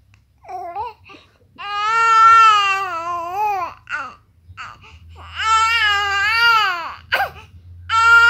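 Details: Fussy crying baby: long, strong rising-and-falling wails separated by short catches of breath; ordinary infant crying.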